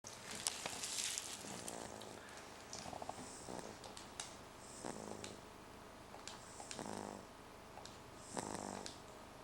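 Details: Sleeping baby girl snoring: soft, rhythmic rattling snores with each breath, almost like growling, recurring every couple of seconds.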